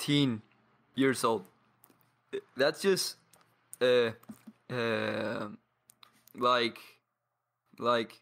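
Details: 22-year-old man from Paraguay who has stuttered for as long as he can remember; stuttering with blocks and pauses.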